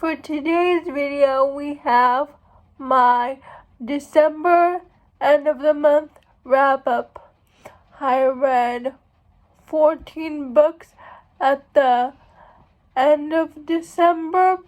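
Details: Speech of a woman who states she has cerebral palsy; dysarthric speech associated with cerebral palsy.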